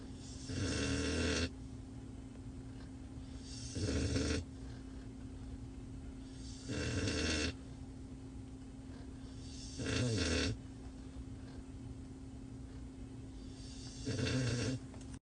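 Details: Chocolate Cane Corso dog sleeping in a truck's backseat: regular loud, rumbling snores about 20 a minute with quiet gaps and a steady background hum; snoring.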